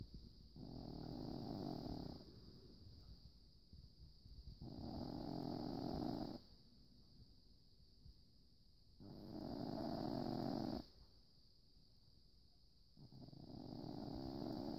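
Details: Snoring: soft, rough, rumbling snores on each in-breath, four over about fifteen seconds, with quiet pauses between and a steady background hum.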